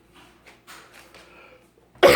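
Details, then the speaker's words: Cough in a person with a cold: soft murmuring followed by a single loud, abrupt cough at the end. "damn I just got a little cough you ain't got [ __ ] I don't know what the hell you got whatever I don't want to what sound like she got over the do for want to catch that [ __ ] whatever it is I don't want to catch it"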